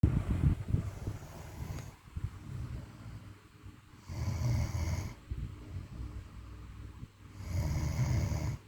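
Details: Low rumbling snores on inspiration, roughly every three to four seconds, with some room noise: a woman snoring during sleep.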